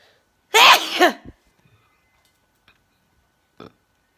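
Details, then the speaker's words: A single short adult sneeze felt coming on and caught on camera: a sharp voiced burst with a rising-falling cry, then quiet breathing. "Well, I felt a sneeze coming on and got my camera in time. But I think it was just a short one."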